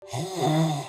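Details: A snore: a single brief, low, droning rumble with a voiced, throaty quality, under a second long, given as the sound heard when a tongue-holding device for sleep apnea is not properly positioned.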